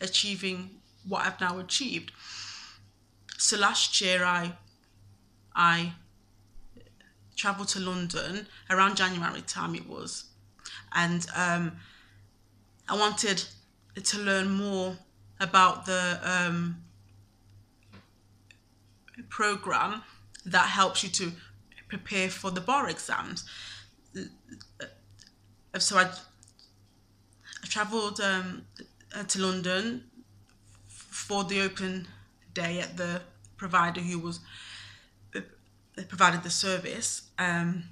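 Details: Stuttering (stammer) in a man, present since at least his university years.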